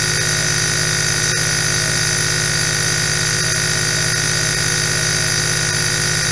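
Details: Loud, steady buzzing drone of a small nebulizer compressor running without pause while producing aerosol, from an 8-hour ASMR recording.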